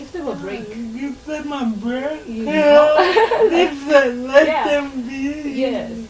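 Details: 26-year-old woman with lifelong cerebral palsy, speech affected enough that people often find her hard to understand; dysarthria (cerebral palsy).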